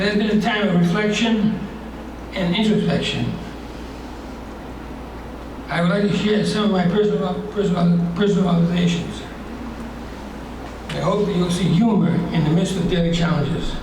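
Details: Hypokinetic dysarthria (Parkinsonian speech) in a retired male teacher with progressed Parkinson's disease, treated with deep brain surgery.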